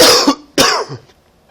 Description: Coughing because of a cold.